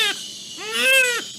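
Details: Newborn with neonatal abstinence syndrome after opioid exposure; a brief cry, then a longer shrill, high-pitched wail, the characteristic high-pitched NAS cry.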